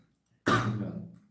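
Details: One abrupt cough burst with a brief rough throaty tail in a quiet room; cough.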